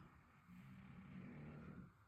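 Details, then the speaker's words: Dog snoring while asleep, heard in the background of a room: a low, rumbling, slightly buzzing snore that rises and fades over one breath. "ce que vous entendez derrière c'est Théo qui grne qui crne qui ronfle voilà petit élément sympa"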